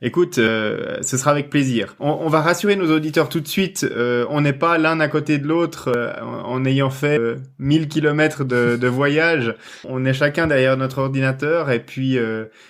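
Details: Adult male speaker; normal voice.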